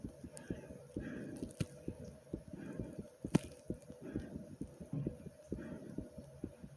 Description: In This Video you get to hear my heart beating fast with my breathing like comment subscribe and enjoy ❤❤ #heartbeat #sound #subscribe